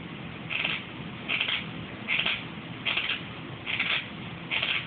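Rhythmic gritty scraping bursts, about six in five seconds, fit teeth grinding (bruxism).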